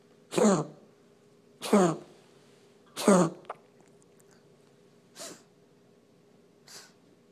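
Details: Coughing spell in a pet, recorded for a veterinarian's review: five short, sharp expulsive bursts that fade in strength over several seconds.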